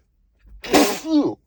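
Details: Adult trying to stifle strong sneezes: a single forceful sneeze, partly held back and muffled, ending in a short voiced exhale; a stifled sneeze.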